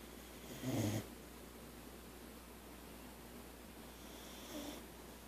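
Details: Sleeping Boxer dog snoring, normally louder and likened to an old man with a head cold: two soft snorting snores, the second fainter, over steady background hiss.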